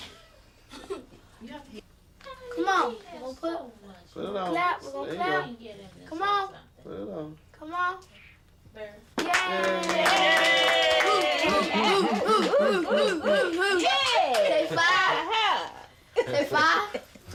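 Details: Young boy born premature, with a tracheostomy, bronchopulmonary dysplasia and tracheal stenosis, still on oxygen, wearing a Passy-Muir speaking valve, which he tolerates only for short periods; voicing with a tracheostomy speaking valve.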